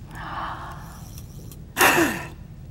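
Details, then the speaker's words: A soft breath in, a pause, then one short, forceful blast of breath out into a peak flow meter, sitting up straight after a deep breath, in an asthma educator's demonstration. "and have them blow out forcefully now kids will really use this um to they'll play games with you"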